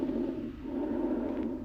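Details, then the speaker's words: Soft, low, steady rustling airflow heard through a stethoscope over the chest of a healthy lung; normal vesicular breath sounds. "veamos los sonidos normal del pulmón sano"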